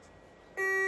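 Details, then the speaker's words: First-aid training demonstration: after electrodes are placed, an AED analyses the heart rhythm, giving a steady high electronic tone in a quiet room, then advises a shock. "analýza Rytmu odporúča sa použiť výbor ten prístroj N robil EKG krivku zistil že je potrebné defilovať"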